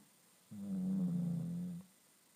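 A single long, low, rattling breath sound lasting over a second, typical of a snore.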